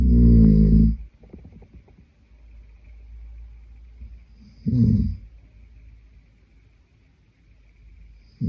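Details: Boyfriend snoring while asleep: loud, low, rattling snores roughly every four seconds with quiet breathing between.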